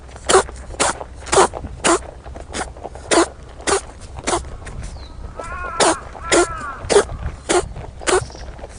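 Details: Rabbit on Okunoshima (Rabbit Island), Japan, that can't stop sneezing: a rapid series of short, sharp sneezes, about fourteen in under nine seconds.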